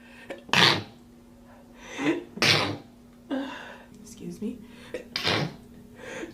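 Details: Girl: three sharp, explosive sneezes with quieter sniffs and breaths between, in a small room. Repeated sneezing.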